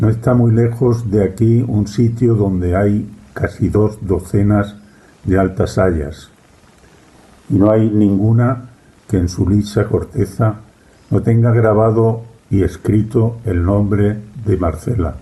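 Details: Aphasia in a member of an aphasia association (Afasia Activa), recorded reading Don Quixote chapter XII aloud in Spanish for a virtual reading event.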